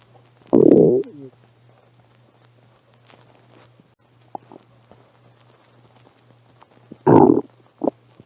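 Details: Stomach growling (borborygmi): two loud, low gurgling rumbles with quieter bubbling between them.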